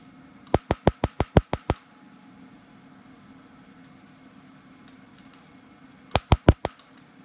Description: Lasering this in short bursts, as this helps some clients deal with the sting of the laser. 🙂